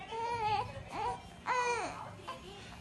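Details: Infant, a girl, crying in rising and falling wails with short whimpers between, wanting to be held after tummy time exercise; an ordinary fussy cry.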